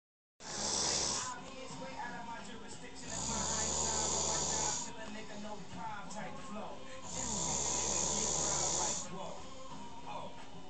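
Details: Loud, deep rumbling snoring inhalations with hissing exhalations, roughly every four seconds; heavy snoring.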